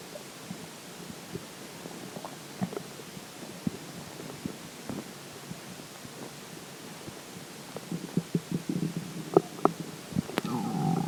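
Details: Stomach growls after drinking water: irregular gurgles, pops and squeaks from the belly, growing busier toward the end; stomach growling (borborygmi).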